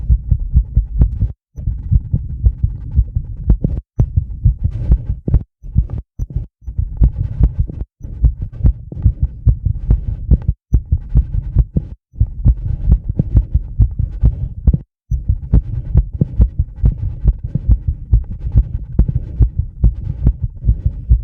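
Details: Sinus tachycardia, about 135 bpm, induced by rebreathing the same air for about 2 minutes (mild CO2 intoxication), recorded by microphone on chest with EKG: rapid, regular low heart thumps.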